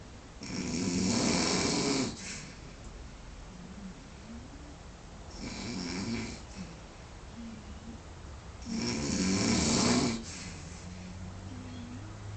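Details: Man sleeping after a big one: loud, rough, rattling snores on three long in-breaths in about 12 seconds, with quiet pauses between. Heavy snoring.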